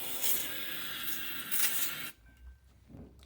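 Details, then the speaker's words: CPAP demonstration: a unit connected to oxygen starts as soon as it is connected, giving a steady loud hiss of gas flow for about two seconds that then stops abruptly. "As soon as you connect to it, it starts."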